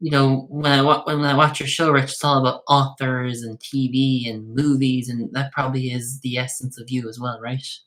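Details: Adult male speaker; typical speech.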